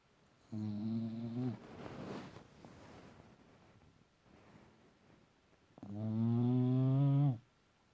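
Two loud, drawn-out, buzzing snores from a small dog, with quieter breathing between them; ordinary snoring.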